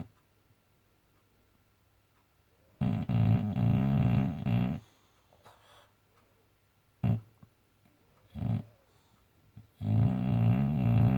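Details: Snoring boxer dog asleep: loud, low rattling snores on each breath, separated by quieter snorts and pauses.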